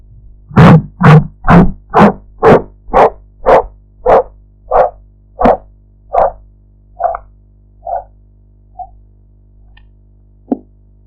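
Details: Practice blood pressure recording with a sphygmomanometer: regular thumping taps that weaken and fade out, Korotkoff sounds, with some background noise to distinguish from real sounds.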